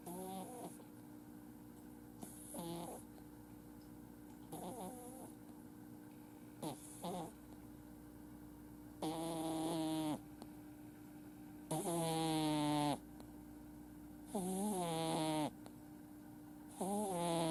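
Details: Male flat-faced Exotic kitten, born July 2018, who usually snores when sleeping: repeated snoring breaths with a nasal, squeaky whistling edge, about 23 a minute, during sleep.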